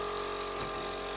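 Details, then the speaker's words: Steady whirring hum of a pump motor as a medical suction machine is switched on during equipment testing, with tubing connected to the vacuum port of the collection cup; suction machine running. "once you're plugged into the power supply and you've got your tube in connection to your cup you can turn the machine on"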